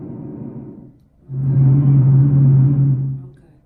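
A soft first breath phase is followed by a louder, low-pitched, continuous snoring rumble lasting about two seconds, played on a teaching simulator. These are rhonchi, coarse sounds usually caused by mucus in the larger airways, which can clear with coughing.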